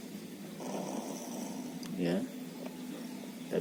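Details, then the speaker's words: Young rooster with snoring breathing (ngorok) and runny nose; not lethargic: low rattling, snore-like breathing noise with a brief honking vocal note. Respiratory rales. "Ini ayam yang sudah mungkin udah jago tanggung, tapi ini kondisi ayam dalam keadaan ngorok dan juga ingusan. Ingusan dan juga dalam keadaan ngorok,"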